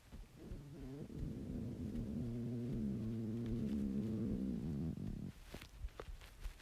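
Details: Cat's stomach growling (borborygmi): a drawn-out, rumbling gurgle lasting several seconds, then quiet rustling.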